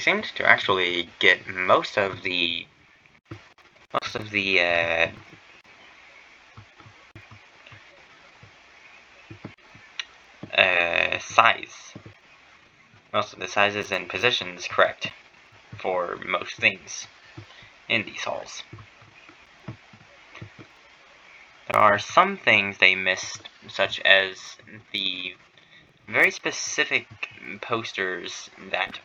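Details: Adult streamer who says he stutters and that streaming, here his first stream, makes it worse; stuttering.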